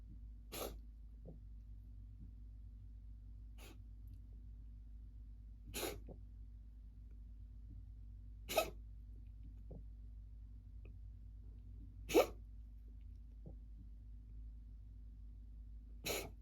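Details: Cat reverse sneezing: six sudden, sharp snorting bursts at irregular intervals, not a hairball, usually harmless.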